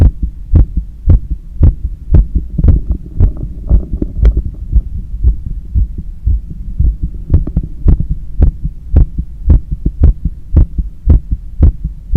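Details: Heart auscultation during cool-down after a long run, with visible neck veins and pulse: loud, regular, quick heartbeat at about 110 beats a minute, normal heart sounds sped up after exercise.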